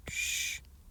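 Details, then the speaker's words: Imitated early diastolic murmur of aortic regurgitation, vocally demonstrated in a heart murmur teaching explanation. "what about iot degree gauge because remember it's early diastolic"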